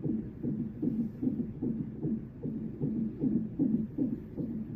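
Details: Rapid rhythmic whooshing fetal heart pulses, about 150 a minute, on a labor and delivery Doppler monitor (NST-like) at 38 weeks 2 days; the monitor had been slipping, and the baby was active.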